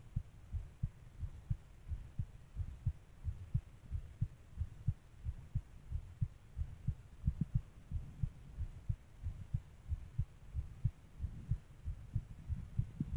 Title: fast heartbeat ❤